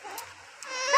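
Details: Baby's high, tuneful cry that starts and swells toward the end of a brief quiet moment; the baby is described as crying, then laughing.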